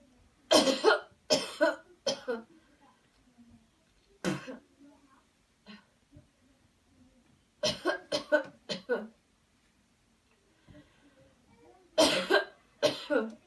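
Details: Deliberate airway-clearance coughing technique after guided counted deep breathing: several bursts of harsh coughing in clusters, separated by pauses.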